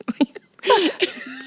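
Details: Adult woman with Tourette syndrome with motor and vocal tics, here triggered by saying the word "mort" (death), in French-language conversation: vocal tic (Tourette syndrome)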